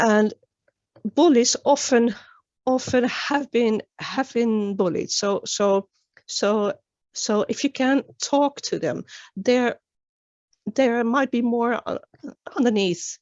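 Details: Real stuttering in an adult woman who began stuttering at age nine, with many word and phrase repetitions; finding: stuttering.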